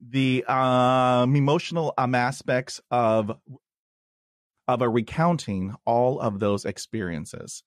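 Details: Stuttering in an adult man, with a word repetition.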